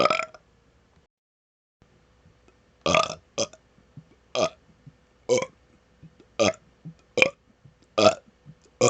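About nine loud, throaty burps in quick succession, separated by short quiet gaps. Repeated belching.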